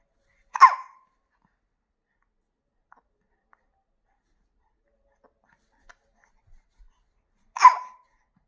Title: How to stop hiccups in my baby